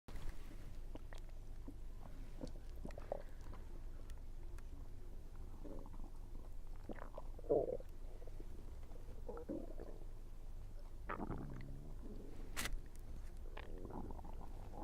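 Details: Gurgling, bubbling abdominal rumbles come and go among faint chewing sounds during a meal, frequent that day, attributed to low air pressure; ordinary bowel sounds.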